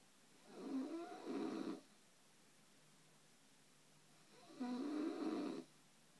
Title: My snoring wife